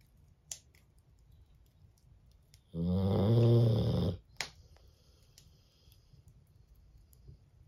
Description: Snoring Cane Corso taking a nap by the fire